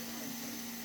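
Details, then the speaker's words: Steady hiss with a constant low hum of wall suction running through open tubing, tested in sterile solution before oral/tracheal suctioning during a skills check-off; normal equipment sound. "right now I'll go ahead and test out my suction to make sure that it's working so I'll put it into my box and I'll include it make sure that it's going and it's going"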